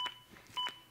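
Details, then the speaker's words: Zoll AED Plus demonstration during CPR: two short electronic beeps from the adaptive metronome that tracks chest compressions and pushes their rate to at least 100 per minute; AED CPR metronome beeps. "the beeps act as an adaptive metronome that monitors my compressions and tries to speed them up to at least 100 per minute"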